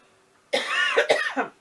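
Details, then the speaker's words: Adult with a cold, cough since the weekend now turned into a head cold: a short run of three or four harsh, partly voiced coughs in a small room. "if you think I sound a little rough came down with a cough over the weekend spent most of the weekend on the couch and then now it's turned into a little bit of a head cold but it's not too bad"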